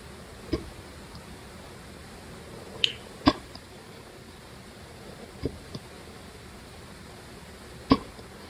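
Brief sharp throat clicks every few seconds in a quiet room, five in about eight seconds, fitting hiccups.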